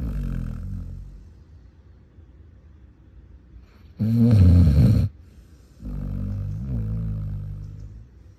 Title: One Minute of Aggressive Basset Hound Snoring